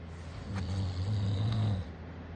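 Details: Father snoring with a Maltese dog nearby: one loud, deep, rattling inspiratory snore lasting about a second and a half; heavy snoring.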